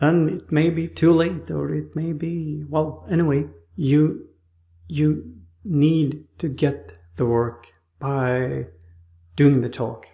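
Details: Aphasia after stroke in an adult man in rehabilitation with therapists; speech like a two-year-old's on waking after the stroke; trouble finding names and words.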